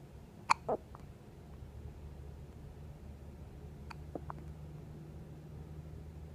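A sharp, abrupt hiccup sound followed by a brief throat noise, then faint clicks over quiet room hum; consistent with hiccups.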